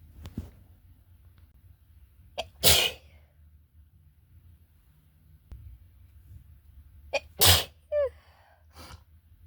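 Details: Cat with a cold sneezing: two sharp sneezes, each after a short sniff, then a brief meow.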